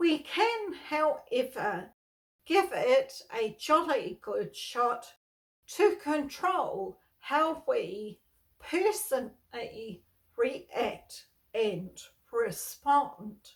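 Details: Adult woman with spasmodic dysphonia, a neurological voice disorder she has lived with for over 38 years; she reports stress worsens her voicing and speaking.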